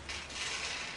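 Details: Endotracheal suctioning with sterile technique in a coughing patient: brief airy hiss of vacuum clearing the suction catheter tubing afterward, followed by supplemental oxygen, easier breathing and return to ventilator.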